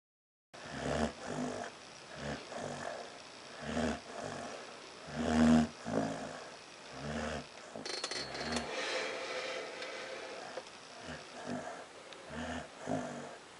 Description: Prospect the Dog finally gets caught snoring on video.